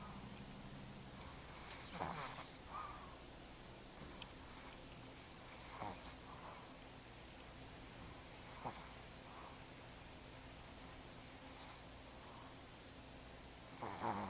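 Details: Light snoring recorded in 2010: brief snorting breath noises recur every few seconds over a steady low hum.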